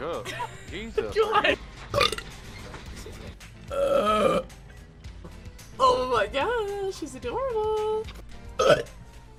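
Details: Female streamer burping during a live stream, from a burp compilation: several loud, drawn-out voiced burps with brief speech between them, over background music; burping.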